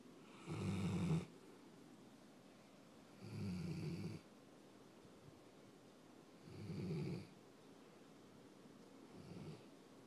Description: Kodi, My 4 yr old greater Swiss mountain dog snoring while napping and getting pets :)